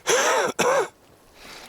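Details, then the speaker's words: Two rough, voiced cough bursts in quick succession from an adult mountain biker outdoors while lost on a trail; he calls it his COVID cough. Quiet outdoor air follows. "Uh boy, if I lost daylight and got lost, that'd be bad news. I hear that COVID cough."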